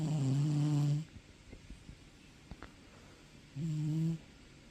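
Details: Snoring: two deep, buzzing, low-pitched snores lasting about a second each, with quiet breathing between them.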